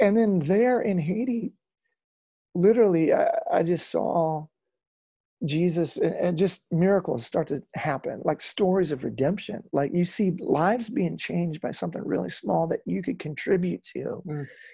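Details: Adult male former rock lead singer whose spasmodic dysphonia began at his career peak, first taken for hoarseness; incurable, doctors could not fix it, ended his singing, still audible today; spasmodic dysphonia.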